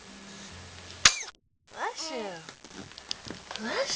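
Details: A baby on a play mat during play time gives a single sharp sneeze, then a brief pause and soft baby vocal sounds. Sneeze.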